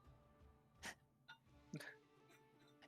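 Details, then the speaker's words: A short, sharp adult sneeze bursts out over steady background music, with a smaller sharp sound before it; sneeze. "That sneeze. The timing. That was timed. That was a sneeze, yes."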